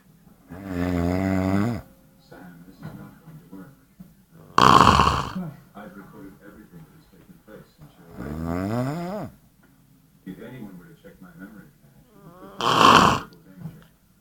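Loud, rattling snores on the in-breath alternating with puffing out-breaths, about four snore cycles in fourteen seconds; heavy snoring.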